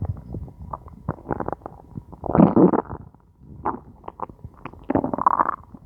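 Irregular gurgling and rumbling bursts, some longer and louder, from the belly; ordinary hunger growling from gas and fluid moving through the gut.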